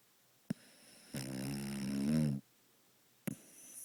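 A long, loud, buzzing snore on one breath, with brief snorting sounds before and after it.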